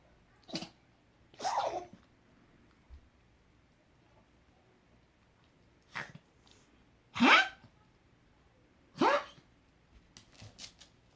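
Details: Dog Marley, in an unusual sneezing fit alongside a gagging fit after something bothered his nose, his longest ever: about five sharp, sudden nasal bursts a few seconds apart in a quiet room; repeated sneezing.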